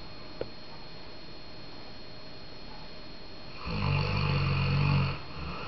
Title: WHO IS SNORING - KDO SMRCI ????